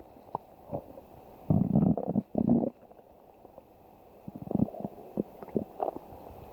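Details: Loud gurgling rumbles in bursts, then softer bubbling squelches; ordinary stomach growling (borborygmi).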